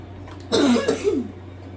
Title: Don’t mind my coughing pls